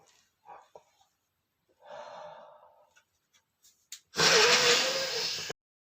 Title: sneezing male #17 (increscent sneezing)